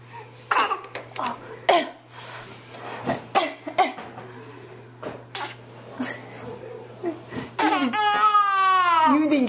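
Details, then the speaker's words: An infant, asked to do a bad cough, gives a series of short, light, deliberate coughs, then breaks into a squealing laugh: voluntary fake cough. "do a bad cough oh that's such a bad cough isn't in oh yeah that's oh it's so terrible isn't it such a bad cough"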